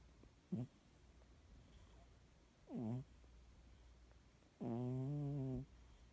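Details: Cat snoring while asleep, ongoing from midnight to after 2 a.m.: three breathing sounds in a quiet room, the last a longer, tonal snore.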